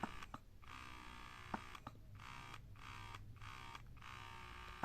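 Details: Wearable electric breast pump (Bella Baby W38/W42/W40 comparison): a soft motor hum rising and falling about every half-second in a quiet room.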